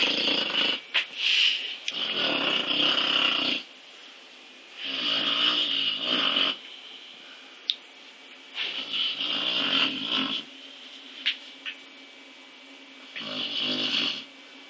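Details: Sleeping pet dog snoring very loudly: four loud rattling snores, each one to two seconds long, with quiet gaps between.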